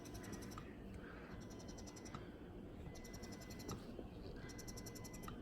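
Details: Spectra S1 double electric breast pump, newly unboxed and switched on for the first time while charging: rhythmic cycles of high clicking buzz with a soft tone and click between, about one cycle every 1.5 seconds.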